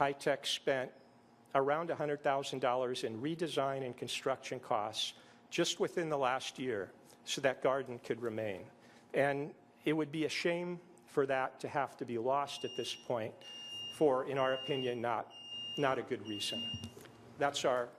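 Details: Adult male speaker; Normal speech.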